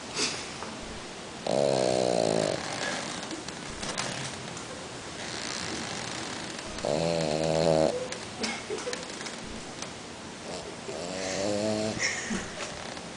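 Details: French Bulldog (flat-faced dog) snoring while asleep: loud, buzzy, rattling snores, about three in thirteen seconds, with noisy breathing between them.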